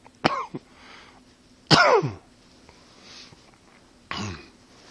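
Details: Three separate sharp coughs spaced a couple of seconds apart in a quiet room; isolated coughing.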